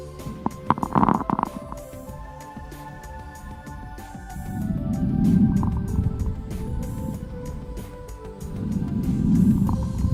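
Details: Fine crackles (crepitations) played through a stethoscope sound speaker: soft breath swells with many brief, fine crackling clicks like Velcro pulling apart.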